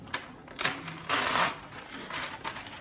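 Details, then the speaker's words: Printer paper feed on an EDAN F9 Express CTG fetal monitor: brief mechanical rustling and a whirring feed as the print button advances the paper after the CTG analysis page is printed. "now what that does is it causes the CTG to advance the CGG analysis page and then the print button there advances the paper on the sheets so that we can remove the paper with ease"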